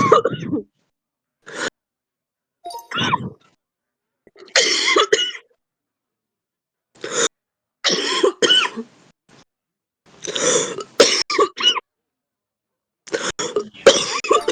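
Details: Real heavy smoker's cough: repeated harsh, deep, chesty coughs and throat clearing in short bursts with pauses between.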